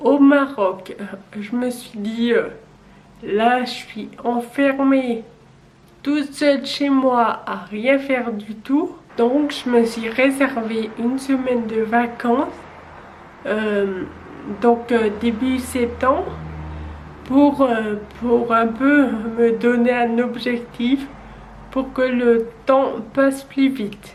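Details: 27-year-old woman with Friedreich's ataxia, a genetic neurodegenerative disease beginning at age 10, wheelchair user since 18, with uncoordinated movements; French speech; ataxic dysarthria.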